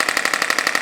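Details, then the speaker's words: Radial shockwave therapy device working on the lower back of a woman with a 5+ year history of chronic lower back pain, lumbar flexion loss and suspected adhesion. Fast, even mechanical tapping pulses while she rounds her back; she reports slight soreness. "It's kind of complicated from a physics standpoint, but the original application of this machine was to break down kidney stones."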